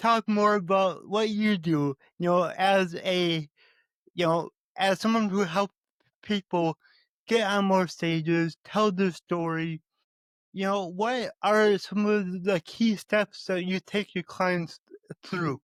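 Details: Man who says he stutters, and that he stutters more when talking with his mother than with most people; stuttering.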